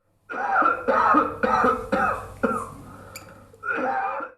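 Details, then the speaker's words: Simulated cough: about five harsh cough-like bursts from a medical-school emergency simulation training manikin that has cough and gag reflexes. "simülasyonda kullanılan cansız manken birebir insan postüründe damar yolu açık, göz kırpabiliyor, öksürme ve övürme refleksleri var."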